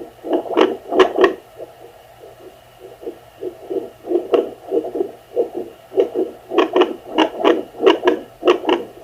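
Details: Swooshing, pulsing beats at about 97 a minute with uneven spacing, on a home Doppler used by a non-pregnant woman with no hCG; her own pulse, which she suspects may be palpitations or an echo, not a fetal heartbeat.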